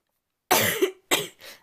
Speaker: my chest is really tight as you can hear I've got really bad chesty cough